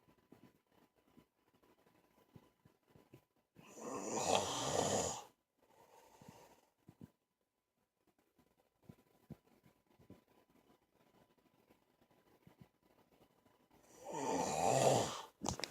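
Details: Two loud, harsh snores about ten seconds apart, each with a quieter exhale after it, and near silence in between; snoring.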